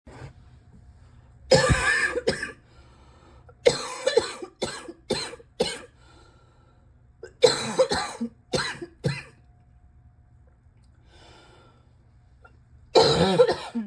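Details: Cough still bad: repeated harsh coughing in clusters of several bursts separated by short quiet pauses, a persistent cough.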